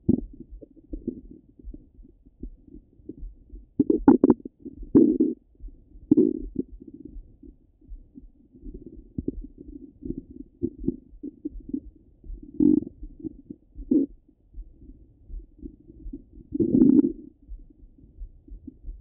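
Continuous low gurgling and bubbling with frequent louder rumbles and squelches, active ordinary bowel sounds heard through a stethoscope.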